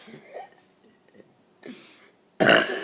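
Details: Soft low belches, then one loud, rough burst at the end; burping.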